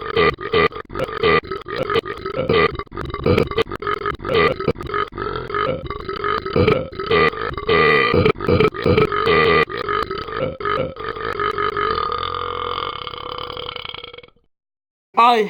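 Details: Cartoon character Burping Ben: a long run of rapid, low, rumbling belches, a brief pause, then one more burst; cartoon burp sound effect.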